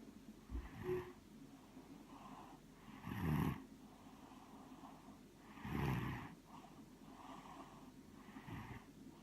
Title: Snoring away